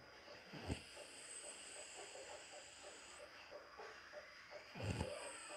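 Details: Woman (mother) snoring comfortably during a daytime nap.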